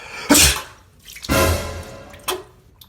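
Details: Two or three loud sneeze-like bursts, possibly acted, in a comedy sketch about sneezing at the wrong time, with faint background sound.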